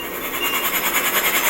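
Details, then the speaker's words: Cough assist machine (mechanical insufflation-exsufflation) with oscillator on a patient, insufflation phase: steady rushing airflow with fast rhythmic ta-ta-ta flutter as air is pushed in to shake the lungs. "And you might hear the kind of ta-ta-ta-ta-ta-ta on his. This has an oscillator feature that also serves the purpose of shaking his lungs. You can hear it when it goes in."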